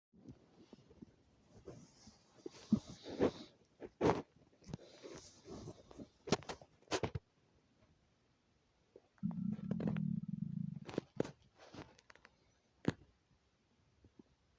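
Gurgling abdominal noises with pops and a drawn-out low rumble: hunger stomach growling, a normal bowel sound.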